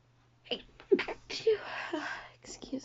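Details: Woman who says she feels dizzy sneezes: stifled sneezes, sneezes let out and a failed holdback; sneeze.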